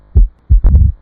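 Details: Mitral stenosis on heart auscultation: low heart sounds with a sharp early diastolic opening snap followed by a low-pitched rumbling diastolic murmur.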